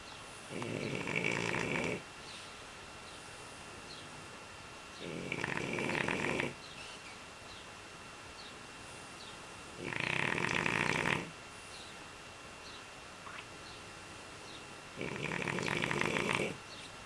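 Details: Bruno asleep after 2½ hours of playing outside, snoring loudly: four loud, rough snores at irregular intervals, about 14 a minute, each one to two seconds, quiet between.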